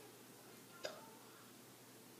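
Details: A single short, sharp hiccup from one of two young children who both have hiccups at the same time, against quiet room hiss.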